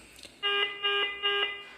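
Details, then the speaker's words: Simulated low tidal volume alarm on an iX5 third-generation ventilator during operator training: three repeating bursts of a clear electronic tone while the screen names the alarm and the parameter flashes. "Então, nesse caso, eu estou simulando um alarme de volume e corrente baixo. Observem que ele vai mostrar na parte superior da tela qual é o alarme. Ele também vai piscar o parâmetro correspondente ao alarme que está tocando."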